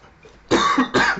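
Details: Person coughing while eating very hot chili, with mouth burning and watering eyes: two harsh, forceful cough bursts after a quiet moment, the second close behind the first.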